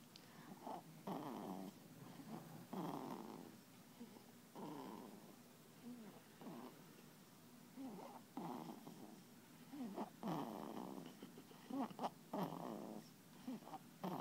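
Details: Newborn boy under one month old snoring while asleep: soft, snuffly, rattling breath noises recurring at roughly thirty breaths per minute; gentle newborn snoring.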